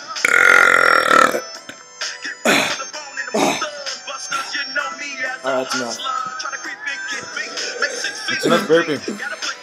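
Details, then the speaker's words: Deliberate belching: a long, loud burp over background music and voices. "you my burping talents cuz I can do back to back [Music] ready that's one that's you"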